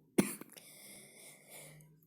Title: простите за кашель и за то что видео оборволось